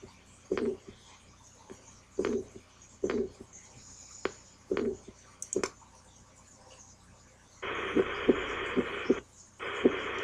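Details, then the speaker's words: Soft heartbeats with a faint murmur between them, ending in steady hissing noise, from a reference heart-sound website recording: an innocent murmur. "all right now we're going to go to the innocent murmur"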